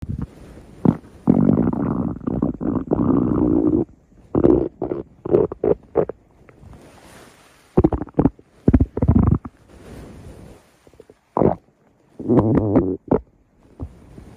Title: Stomach Growling